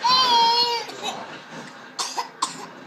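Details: A 5-month-old baby gives a high, drawn-out babbling squeal, then a quiet pause and three short, sharp coughs.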